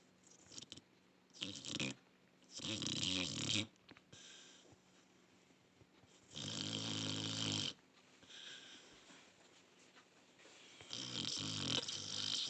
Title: my snoring when i m sleeping 😱i do snore